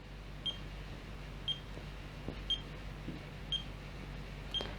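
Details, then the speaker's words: Continuous-monitoring pulse oximeter used for oxygen monitoring in Covid, beeping after a 5–7 second start-up and sounding an alarm if oxygen drops: short, high, regular beeps with each pulse, about 59 per minute, in a quiet room. "तो मैं on करूँगा तो around 5 to 7 second मुझे इंतज़ार करना पड़ेगा, फिर ये चालू हो जाएगा और फिर ये टू टू टू आवाज़ करेगा।"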